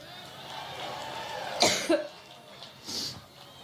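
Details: Adult woman giving a Labor Day rally speech in Cleveland, Ohio (5 Sept 2016) has a coughing attack: two short, harsh coughs, then a softer throat sound, over crowd and room noise.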